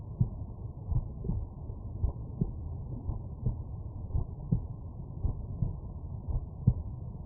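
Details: Stethoscope auscultation over the mitral area with the subject lying on the right side: steady paired low thumps at about 57 beats a minute, faint background hiss; normal first and second heart sounds.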